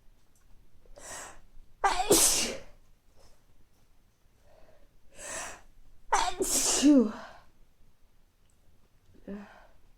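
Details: Adult with recurring mild colds over recent weeks, nose not very stuffy but sneezy: two forceful sneezes, each after a sharp indrawn breath, with quiet breathing between; sneezing with a common cold.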